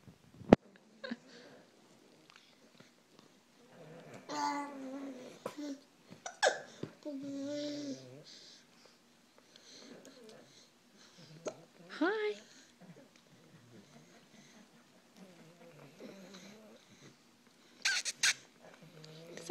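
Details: Hiccups: sharp, abrupt hiccup clicks about every six seconds, mixed with soft vocal sounds and eating noises while biscuits are eaten.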